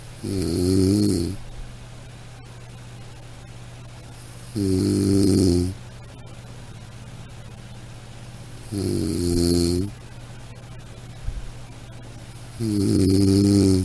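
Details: Ordinary snoring: four regular, rumbling snores about every four seconds, quiet breathing between them, steady low background hum.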